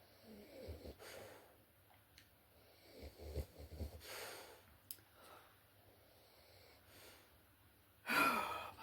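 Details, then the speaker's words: Pet snoring nearby during a video game session: soft, rhythmic raspy breaths about every three seconds beneath faint game sounds and room noise. "You can probably hear Fudge snoring away."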